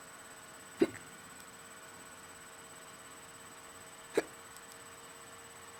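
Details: Two sharp, abrupt hiccup sounds about three seconds apart over quiet room noise; a bad case of the hiccups.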